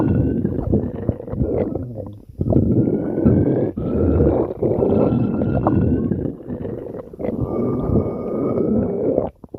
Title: Lemo's Empty Stomach Growling